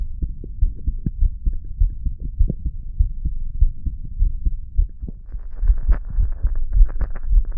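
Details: Recording of the person's own normal heartbeat, described as nice and relaxed.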